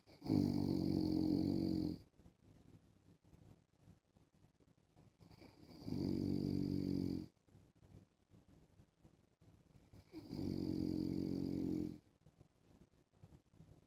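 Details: Adult man (husband) snoring while wearing a mask: three long, loud, rumbling snores about every four seconds, roughly 15 breaths a minute, with quiet breathing between them.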